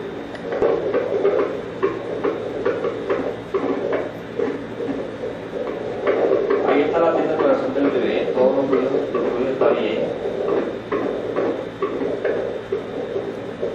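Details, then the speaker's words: High-risk pregnant patient, high-risk due to age, with uterine height 34 cm, cephalic fetus and no contractions: handheld Doppler picks up rapid, regular whooshing pulses at roughly 135 per minute; normal fetal heart sounds on Doppler. "Este es un aparatico que mide la frecuencia cardíaca. Es obligatorio tomarla."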